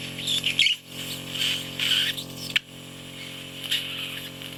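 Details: Ear wax microsuction in a bedbound woman in her 90s with hearing loss from a completely blocked, oiled ear canal: steady suction hum with squeaky, sputtering hiss bursts and a sharp click as soft, gloopy wax and a thin layer are suctioned.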